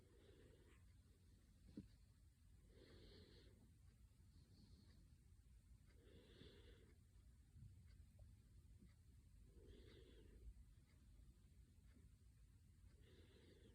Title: Cute Baby Snoring also smile in dream